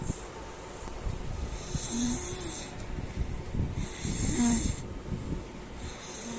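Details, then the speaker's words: Sleeping child snoring late in the morning: low, rough rumbles on breaths in, faint room noise. "কি একটা অবস্থা, চলেন এরা ডাকা যাক। আর চলেন ভাই, এর আগে নাক ডাকাও শোনাচ্ছি।"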